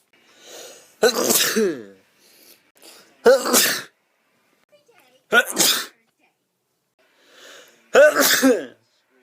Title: Me sneezing compilation #4